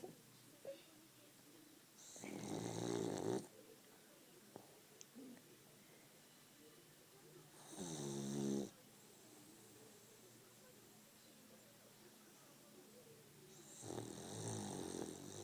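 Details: Sleeping French bulldog snoring: three loud, rattling snores roughly every five to six seconds in a quiet room.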